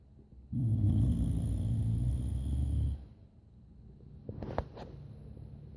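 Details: Dog snoring while asleep.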